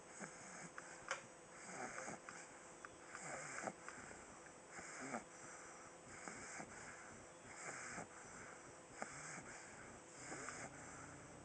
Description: After a day of playing hard, my pug comes to decision to take a nap. He isn't really snoring as loud as he normally does, but I finally was able to catch him in the act.